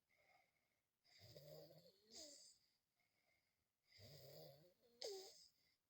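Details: Child with epilepsy snoring during sleep at night: two noisy, rattling breaths with a wheezy, whistling edge, about 21 a minute, with quiet pauses between them.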